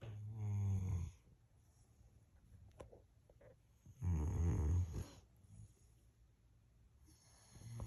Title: SNORING DOG...LOUDLY